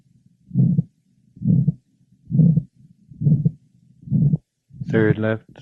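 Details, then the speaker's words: 63-year-old man with severe aortic valve stenosis (catheter systolic gradient over 100 mm Hg); loud, harsh crescendo-decrescendo systolic murmur, about 67/min, well heard over the precordium from the aortic area to the apex. "the aoic merma is well heard over the precordium from the aoic area to the Apex"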